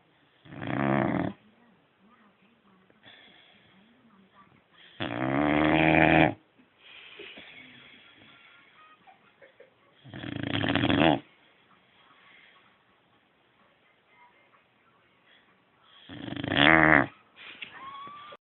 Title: Snoring boxer